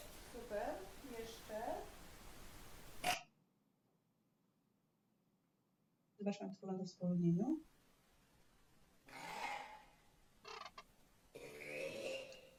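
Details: 82-year-old man after total laryngectomy attempting phonation; the mucosal wave triggers the palatopharyngeal reflex; failed tracheoesophageal phonation with pharyngeal gag reflex.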